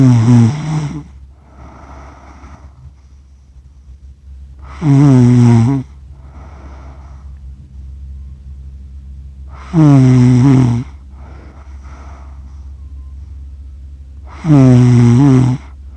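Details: Loud, rattling snores about every five seconds, roughly 12 a minute, with quieter breaths between over a low room hum, from an adult asleep, recorded by accident over 47 minutes.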